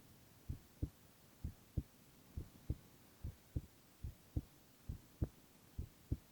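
Steady paired lub-dub heartbeats, about 68 a minute, in a quiet room; regular rhythm with no extra sounds.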